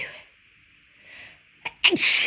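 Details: Sneezes deliberately brought on by a person whose left nostril kept tickling after an illness a few weeks earlier; quiet breath, short catch, then one loud explosive sneeze, part of a long series of big sneezes with some nose blowing; sneezing.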